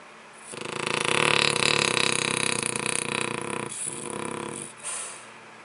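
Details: Snoring in a French bulldog.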